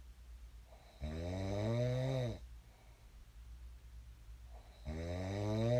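Two loud, low, rattling snores on in-breaths, about four seconds apart, with quiet breathing between: ordinary snoring.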